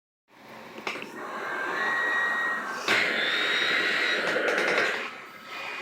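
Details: Mechanical insufflation-exsufflation (cough assist) machine operating: steady motor and airflow whir with an abrupt change partway as it cycles.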